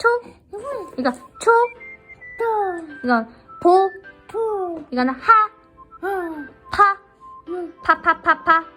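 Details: Young child imitating words; childhood apraxia of speech.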